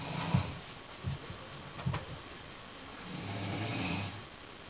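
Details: Bengal cat named Shine hearing her owner snoring; low rumbling, fluttering snoring breaths over steady background noise.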